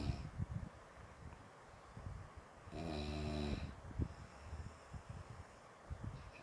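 One loud rattling snore over a noisy, rumbling background; snoring.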